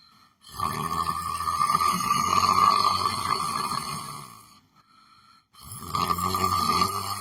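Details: Person sleeping while sitting in a chair: two long, loud, rasping breaths with a whistling edge and a pause between; heavy snoring.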